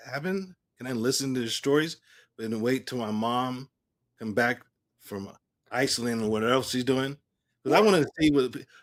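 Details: Male stroke survivor speaking about 3 years and 5 months after his stroke: post-stroke aphasia.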